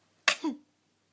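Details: A 5-month-old infant gives a voluntary fake cough on request: a single short, breathy cough burst ending in a brief voiced squeak; a voluntary, playful cough.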